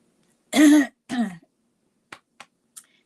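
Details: Two short, voiced, throat-clearing coughs, then a few faint clicks in a quiet room, from an adult woman who says she can't talk very easily; a lingering cough.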